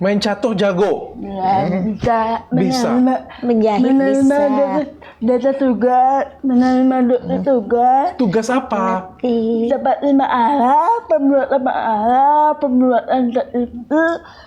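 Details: Young woman with cerebral palsy, born premature at 7 months, unable to speak until around junior high and communicating in writing, later given speech therapy: dysarthria (cerebral palsy).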